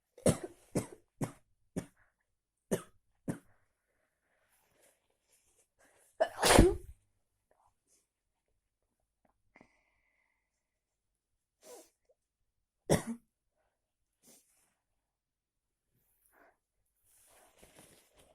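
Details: Coughing after a walk in heavy, cold rain without an umbrella: a quick run of six short coughs, then one louder explosive burst, then a few scattered single coughs in a quiet room.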